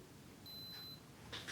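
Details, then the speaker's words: A single steady, high-pitched electronic beep as an ear thermometer finishes reading the temperature of a boy with a snotty nose, recent vomiting and a wet-sounding night cough. "can you take your temperature we do this in your ear go beep be beep ready yeah"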